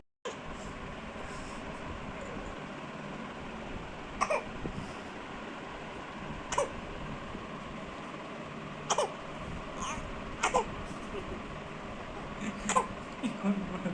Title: #baby coughing cutely# shorts